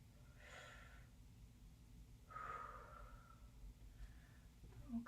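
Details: Lung auscultation with stethoscope during a head-to-toe nursing assessment, patient taking big inhales and exhales on request: two slow deep breaths, soft airy rushes, no wheeze or crackle; normal breath sounds.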